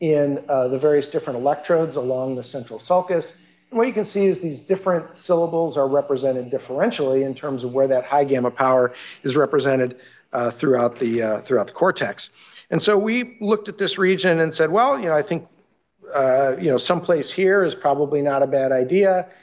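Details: Adult man lecturing; normal speech.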